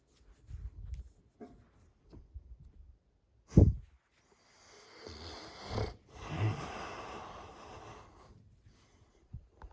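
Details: Low rumbling, gurgling bursts with quiet gaps and a loud gurgle midway while the adult male massages his belly; he attributes it to hunger. Stomach gurgling (borborygmi).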